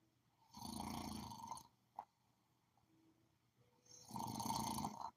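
Two long, loud, buzzing snores on breathing in, with quiet breathing between them; ordinary heavy snoring.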